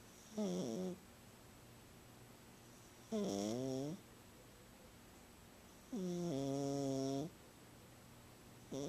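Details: Sleeping female cat who snores whenever she sleeps, louder than usual this time: loud, pitched, buzzing snores with quiet gaps, about 21 per minute; snoring.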